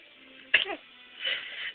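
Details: Sneezing: a single sharp, explosive sneeze, then quieter sniffing breaths, one of several sneezes.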